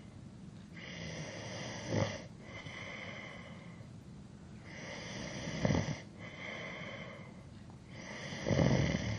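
Soft, breathy snores with brief snorting bursts at irregular intervals over a steady background hiss; sleep snoring.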